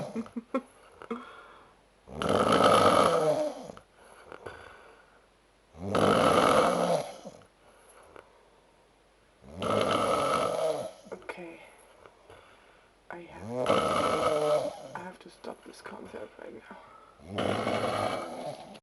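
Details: Heavy snoring from a man after Oktoberfest drinking; loud, harsh, rattling snores, about five in 19 seconds at roughly 16 breaths a minute, with quieter exhalations between.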